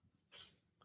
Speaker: don't know if you can hear a sneezing cat in the background. Yeah, I heard a dog or a cat. Go ahead. My cat just sneezed.